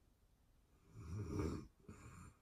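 A deep, rattling low-pitched snore on the in-breath, followed by a softer out-breath; ordinary sleep snoring.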